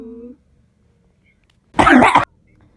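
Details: A brief hum of voice, a pause, then one loud, harsh half-second cough from a person talking during an online game session; cough.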